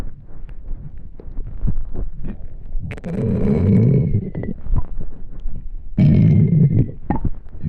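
Low, gurgling rumbles with louder growling bursts: stomach growling from hunger, a normal finding.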